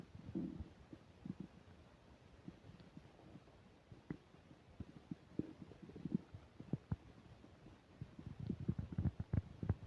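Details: Upset digestion while eating a burger and fish fries, recorded with a microphone: frequent gurgles, pops and low rumbles from the abdomen with faint mic static; active bowel sounds (borborygmi) during eating.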